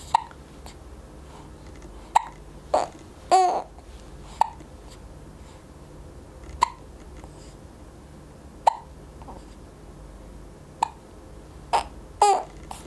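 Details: 4-week-old infant hiccups: about ten short, sharp hiccups in thirteen seconds with soft breathy noises between; ordinary newborn hiccups.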